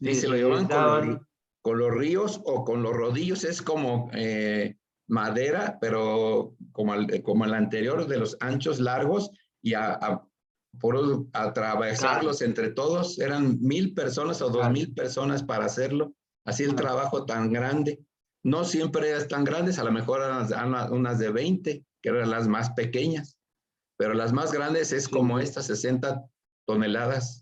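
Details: Aphasia after a stroke (acquired brain injury) in an adult man speaking Spanish in a workshop for people with aphasia.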